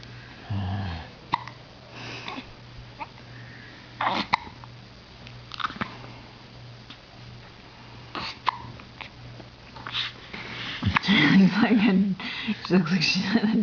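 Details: Newborn girl at 2 weeks old with hiccups: brief, abrupt catches in her breathing recurring irregularly amid soft room noise and fussing; still very wobbly with her head.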